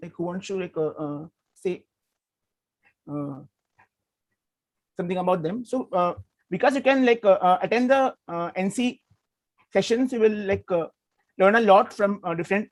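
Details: Adult male with stuttering since childhood, had therapy in 2010, still working to overcome his stammering; stuttering.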